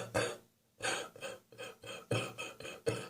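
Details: A run of about eight short, harsh, rattly cough bursts, wet and chesty with wheeze on the chest, from an adult with a spring cold, recorded in the morning; wet productive cough.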